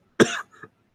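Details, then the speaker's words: Adult coughing during a live stream: one loud, harsh cough burst, then a softer, shorter cough or throat clear, with faint background noise. An ordinary dry-sounding cough. "oh damn sorry coughing like crazy there"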